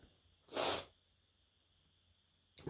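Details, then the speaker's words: A person says they have to sneeze, then one loud, sharp, hissing burst of breath, a typical sneeze, followed by quiet; more sneezes come afterwards. "I gotta sneeze. Oh, oh no, I gotta sneeze."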